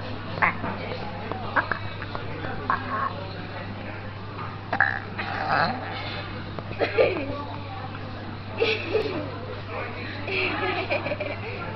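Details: Girl burping: several short, throaty voiced bursts scattered among talking and a steady low room hum, consistent with repeated burps.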